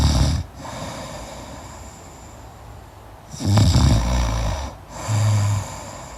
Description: Snore yourself to sleep listening to the crackling sounds of a deep sleep snore.